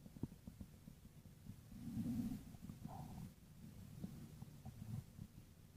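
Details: Stomach growling (borborygmi).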